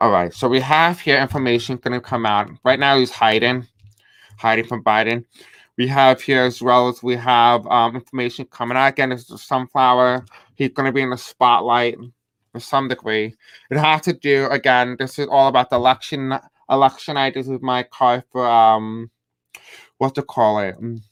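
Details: Adult man with deaf speech, a self-described deaf accent, who says he may have a hard time pronouncing certain words; unscripted live-stream speech; deaf speech.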